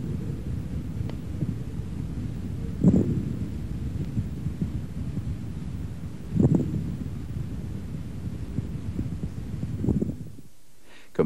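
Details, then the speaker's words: Coarse crackles: breath sounds at about 17 breaths a minute with louder, low-pitched, bubbling, intermittent non-musical crackles. "crackles are intermittent non-musical and brief like dots in time fine crackles are soft high-pitched and very brief coar crackles are louder lower pitched and"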